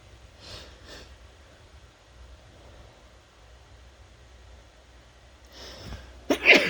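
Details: Soft sniffles then a sudden sharp, wet sneeze burst at the end; induced sneezing after nose tickling in the morning, by someone not usually sneezy.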